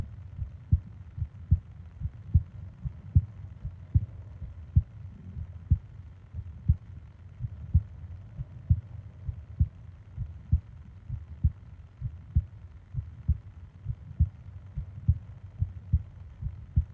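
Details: Steady, low, paired heart thumps at about 70 beats a minute with soft background hiss, from a 20-minute ASMR heartbeat and breathing recording made for falling asleep; a normal heartbeat.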